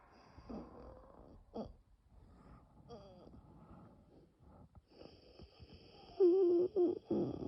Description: bronchial spasm during a very severe nocturnal asthma attack without coughing.